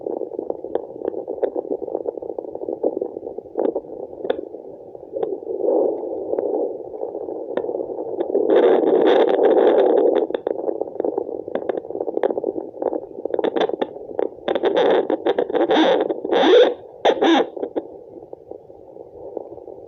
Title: Fetal Doppler placenta sound2